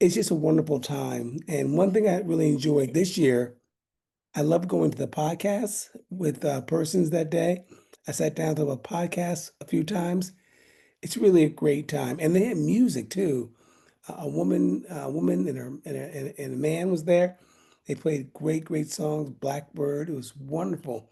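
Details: Aphasia in an adult man following a stroke in 2016, about nine years after onset.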